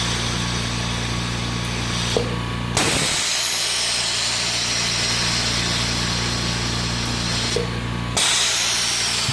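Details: Homemade DIY oxygen concentrator with compressor and cooling fan: steady hum with sharp hissing valve releases about every five seconds as sieve beds cycle; oxygen concentrator running.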